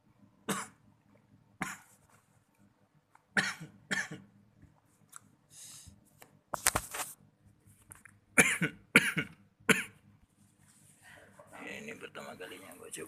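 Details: First time vaping salt-nicotine liquid on an R57 tank with a 0.64-ohm coil, causing shortness of breath: about eight harsh cough bursts over thirteen seconds, with throat clearing between them; an irritant cough.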